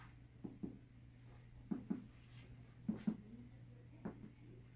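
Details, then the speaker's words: Student nurse percussing all four abdominal quadrants of a healthy lab partner; paired hollow taps give a tympanic note throughout, normal for gas-filled bowel. "so it's tympanic in all four quadrants"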